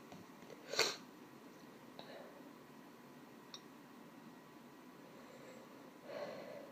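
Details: Attempted held-back sneezes (F), which the sneezer says failed: a muffled, stifled sneeze burst early, then a softer hushed puff near the end, in a quiet room.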